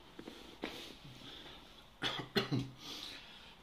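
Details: Three short, abrupt cough-like bursts over a quiet room background during a manual therapy lumbar twist demonstration on a table; a brief cough.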